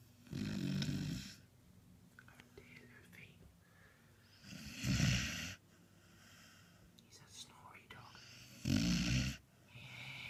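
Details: Beagle sleeping and possibly dreaming, low snorting snores about every four seconds with soft breathing between; dog snoring.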